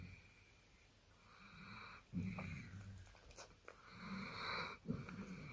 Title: Dog snoring. 40 winks